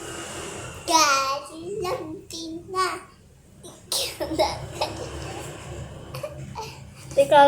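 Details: Child's voice with a few short cough bursts mixed into speech and babble in a small room; the child has been coughing repeatedly.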